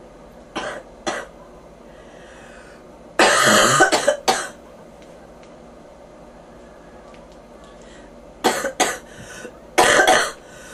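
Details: Repeated harsh, rattly coughs in clusters from a sick person who reports fever and ears popping; bronchitis cough.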